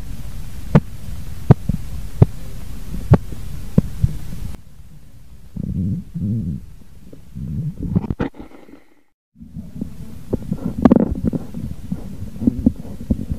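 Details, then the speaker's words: Korotkoff sounds during blood pressure measurement as the cuff deflates: sharp, regular tapping pulse sounds through a stethoscope, about 80 a minute. "setelah suara terakhir terdengar sekarang coba dengarkan dengan tenang bunyi korotkoff"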